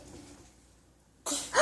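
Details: 16-month-old toddler imitating a sneeze after his mother pretends to sneeze: a quiet pause, then a short breathy burst ending in a louder gust; imitated sneeze.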